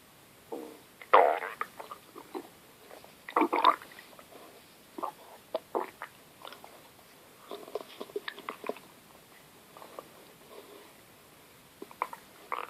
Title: Very loud stomach growling